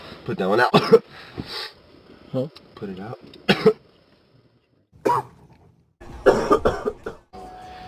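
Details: Several short harsh coughs and throat clearing mixed with speech and room sound, edited from a show's season 1 coughing compilation; ordinary coughing.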